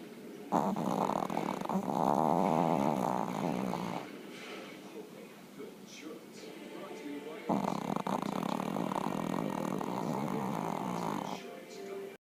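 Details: Snoring in a chihuahua: two long, rough, rattling breaths with a quieter stretch between; faint room noise.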